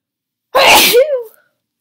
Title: Strong Cold Sneezes with Chhinkni & Noseblow